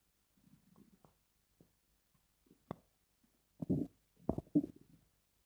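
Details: Stomach growling (borborygmi): quiet, irregular gurgles and low rumbling bursts from the belly in a still room.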